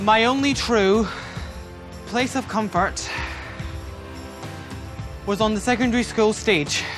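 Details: Stuttering in a male new student the night before a four-day McGuire Programme stammering course, speaking in his old way before learning its breathing technique.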